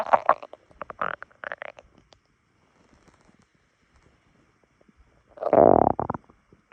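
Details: Stomach rumbling on waking, recorded on a phone: gurgling, bubbly rumbles in short bursts, then a longer growl; ordinary borborygmi.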